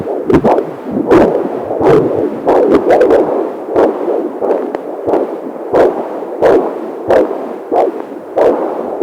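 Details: Fetal heartbeat on a fetal monitor: rhythmic whooshing pulses with sharp clicks.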